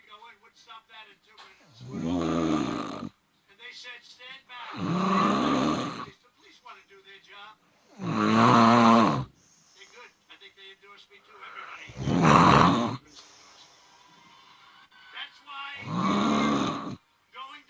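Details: Adult recorded by their partner while asleep at night: five loud, vibrating snores roughly every three to four seconds, about 16 a minute, with a television speech playing in the background; habitual snoring.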